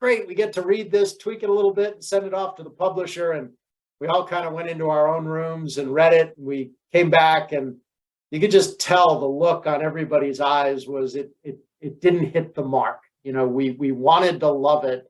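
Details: Adult man speaking; ordinary speech.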